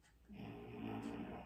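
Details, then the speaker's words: Background snoring heard during a guided hip and glute stretching session, from a "little snory baby" (who or what is snoring is unclear); rough sleeping breaths. "Can you all hear the snoring on the video?"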